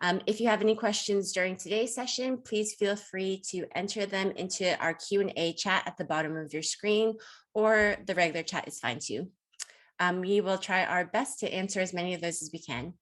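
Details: Adult woman speaking; typical speech.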